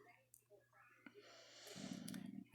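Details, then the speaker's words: A low, drawn-out rumbling gurgle under faint room noise from a person's stomach while they are talking; stomach growling, ordinary bowel sounds. "okay that's my tummy growling if you hear that"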